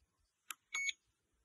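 A soft click, then a short high electronic beep as the device switches between pulsed and continuous mode.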